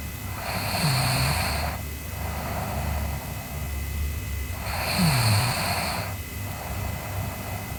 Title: Sleeping Girl Snoring (ICDM) Part 2